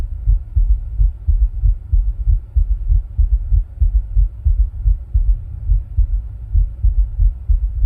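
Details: Own heartbeat recorded with ECG while rebreathing from a plastic bag: muffled, forceful low thumps, roughly 90 to 95 a minute, with low hum behind; fast heartbeat.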